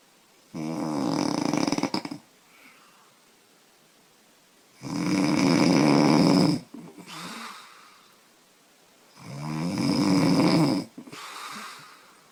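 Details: Heavy snoring in a 25-year-old woman who says she snores loudly after drinking beer: loud, harsh, rattling snores on each in-breath, roughly every four seconds, with softer breathy out-breaths between.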